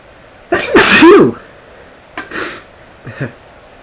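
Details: Male sneezing, induced; one loud, forceful sneeze with a sharp intake and explosive release, then two quieter exhalations; an ordinary sneeze.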